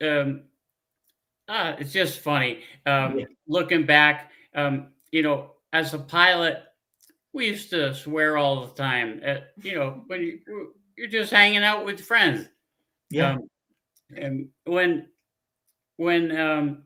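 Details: Adult man, former pilot, with aphasia from a stroke 15 years ago; he cannot read or write, uses a scooter and gets therapy on his arm; frequent fillers, pauses and word-finding difficulty; aphasia after stroke.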